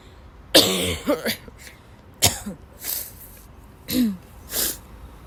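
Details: About six harsh cough bursts in five seconds with gasping breaths between, from a sick young woman who had to leave class, woke up ill with sore throat; coughing fit.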